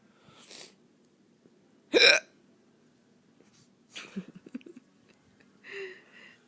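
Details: Adult hiccups after a night out dancing and drinking: four sharp, abrupt gulping vocal catches at irregular intervals of about one to two seconds, in a quiet room.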